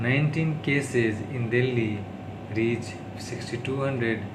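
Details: Adult man who stammers, speaking English on day 36 of speech-therapy practice; he calls it his worst stuttering, worsened by tiredness, stress and low mood; stuttering.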